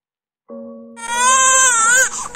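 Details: Strong, clear, high-pitched first cry of a healthy IVF newborn boy just after birth, with soft music beneath; prenatal ultrasound had suggested some abnormality, but the baby was normal on examination.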